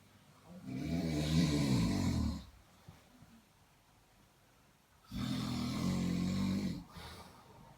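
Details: Man who is a heavy snorer, with a cat nearby: deep, rattling snores lasting over a second each, separated by quiet pauses; ordinary loud snoring.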